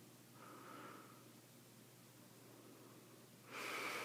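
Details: Adult man (dad) snoring in sleep, recorded at night: a soft, rough snore on breathing in, then a louder snorting breath about three seconds later.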